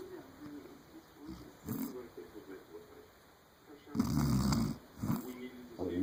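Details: Rough, snorting snores "like a horse" with irregular breaths, one loud rattling snore and quieter sputtering breaths between, over faint background noise: snoring.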